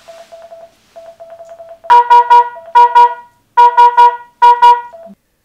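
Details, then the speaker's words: Manual defibrillator preventive maintenance using a low-tech alternative ECG simulator: soft quick beeps, then loud repeating groups of two to three high tones as the heart rate alarm limit is set above the simulator rate. "on refait le test en réglant la limite d'alarme base de fréquence cardiaque au-dessus de la valeur du simulateur alternatif DCG et on vérifie que l'alarme se déclenche"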